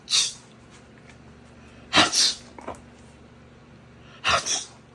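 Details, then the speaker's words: Pitbull puppy sneezing: three sharp, hissing sneezes a few seconds apart, in a quiet room with a low hum, owner scolding it for sneezing on the family; sneezing. "So you don't care when you sneeze on me, huh? Huh? You just be sneezing everywhere. On me, daddy and big brother."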